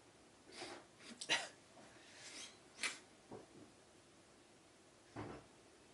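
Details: A small run of sharp, breathy sneezes with short gasps between, in a quiet room; the person needs to blow their nose. Sneezing.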